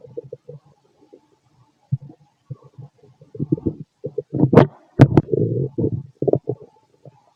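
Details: Fit adult male, after lunch and a carton of milk, recorded with a stethoscope on the abdomen: irregular low gurgles and rumbling bursts, ordinary post-meal bowel sounds (borborygmi).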